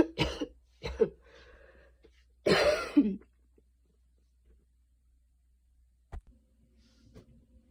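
Two short coughs, then one harsher, longer cough, followed by quiet breathing; a light cough after exertion.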